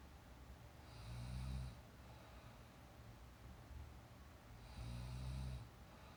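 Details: Young woman asleep during a nap, real recorded snoring: two slow, low rumbling snores on the in-breath about three seconds apart, with quiet breathing between.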